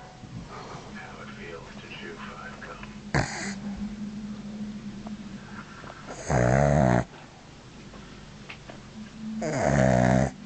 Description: Haha Dotty head back mouth open snoring lmao bless her this dog could send me to sleep anyday lol x